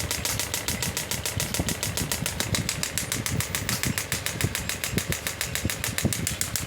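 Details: Pneumatic radial shockwave therapy handpiece (10-bar machine) firing, energy raised to 10 bar, frequency being decreased: rapid, sharp mechanical clacking pulses at roughly 100 per minute over a steady hum.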